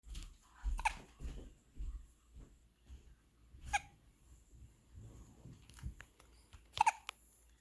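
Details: Four-day-old baby with hiccups: three short, sharp hiccup jolts several seconds apart, among soft breathing and snuffling sounds in a quiet room.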